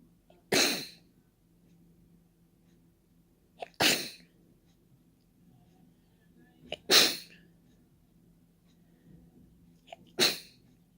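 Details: Four open, wet sneezes, deliberately done without a tissue and spraying into the air, about three seconds apart; each has a short indrawn breath and then a forceful, spraying burst. Sneezing.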